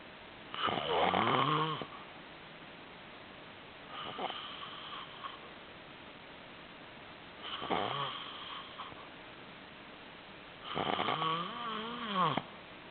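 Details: Four loud, rasping, whistly snores, about one every three to four seconds, with quiet pauses between; loud snoring.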